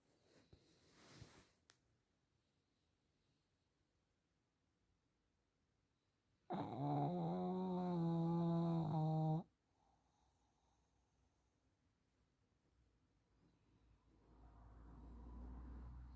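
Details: Sleeping pug, a flat-faced dog, gives one loud, drawn-out rumbling snore lasting about three seconds amid quiet room noise; snoring.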